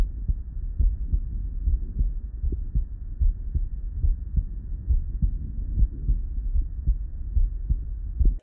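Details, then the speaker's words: Low, regular heartbeat at about 70 a minute, with a faint hum, as a nurse listens on herself through an amplified Eko Core digital stethoscope attachment connected to the app. "first of all the sound quality was amazing this is such a nice crisp clear sound when you're listening and I was just listening on myself"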